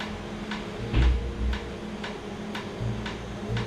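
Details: Laser tattoo removal session in Jamaica, after numbing: steady sharp ticks about twice a second over a constant machine hum, as the tattoo removal laser fires pulses. Treated skin is afterwards slightly raised and swollen.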